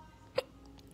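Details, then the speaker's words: A child in a tent at night, around 11:55 p.m., who says he has the hiccups, gives a single sharp, brief voiced catch in a quiet setting: a hiccup. "eu tô com soluço."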